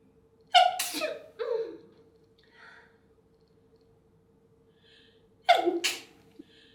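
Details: Wet sneezing from a model, recorded in 4K quality.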